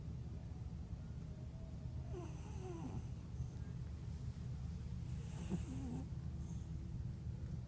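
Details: Sleeping cat snoring: soft, low snores, two breaths about three seconds apart, over steady room hum.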